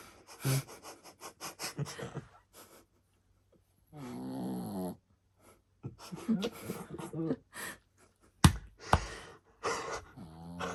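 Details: A sleeping Shih Tzu dog makes a run of short snuffling breaths, then a drawn-out nasal rattling snore, with faint room noise.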